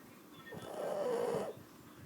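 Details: A single drawn-out, rumbling, slightly whistling snore lasting about a second, from a sleeping Shar Pei dog: snoring.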